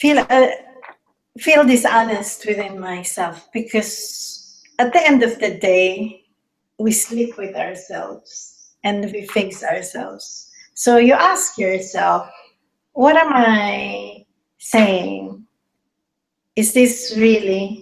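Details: Adult woman speaking; Normal speech.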